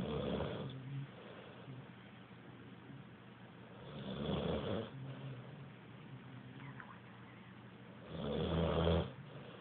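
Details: Person snoring: slow, regular rasping snores on each in-breath, about 14 a minute, with quieter breathing between.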